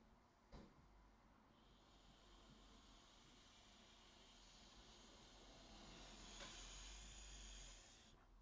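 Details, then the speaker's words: Doctor demonstrating pressurized metered-dose inhaler with spacer: brief puff of inhaler spray, then long, slow, airy exhalation through the spacer's filter; correct technique for one breath, keeping medication in the lungs. "if you're using two Puffs so I will give you a demonstration of of one breath so we spray we keep a Tight"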